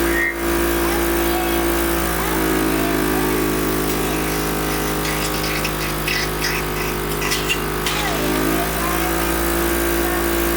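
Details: Steady motor hum with pitch shifts as a mechanical cough assist (insufflation-exsufflation) machine cycles between pushing air in and pulling it out.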